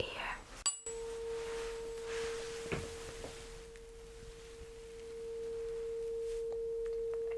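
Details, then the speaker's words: Role-played ASMR cranial nerve exam, tuning fork hearing test: sharp strike then pure steady ringing tone slowly fading, fork placed behind the ear on the bone; simulated. "So the sound is gone. Good. And now I'll put it right on the top of your head. The task is pretty much the same, just let me know when you don't hear the sound anymore."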